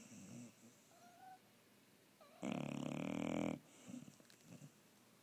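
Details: Pet dog Tasha, asleep, breathes quietly, then gives one loud, rough, rattling snore of about a second before settling back to soft breathing: ordinary snoring.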